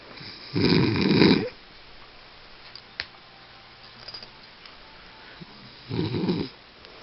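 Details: Woman who denies snoring, recorded asleep: two loud, rough, rattling snores about five seconds apart, with quiet room noise between them; ordinary snoring.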